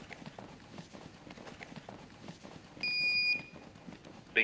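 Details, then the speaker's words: Philips HeartStart automated external defibrillator (AED) powering on with a short high beep over background room noise, during a demonstration of continuous chest compression (hands-only) CPR for sudden cardiac arrest; voice prompts then guide each step. "using the AED is fail-proof just turn it on and follow the instructions the voice prompts will walk you through each step"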